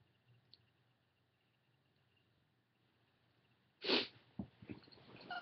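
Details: Induced sneezing in a female: a quiet room, then one loud, explosive sneeze followed by sniffly breathing and smaller bursts.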